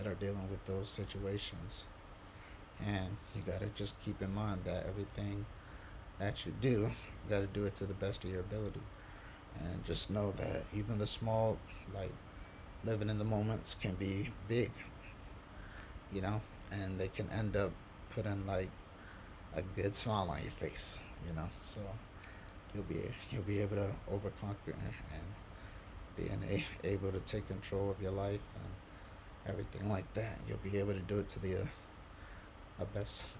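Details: Adult man, quadriplegic from a C1-C2 spinal cord injury, breathing with a diaphragmatic pacer at 18 breaths per minute; he can speak only on exhalation, with pauses and difficulty producing certain words; breath-limited phrasing on diaphragmatic pacer.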